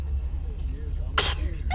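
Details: Person sneezing once on camera: a single short, sharp burst of air over a steady low background hum.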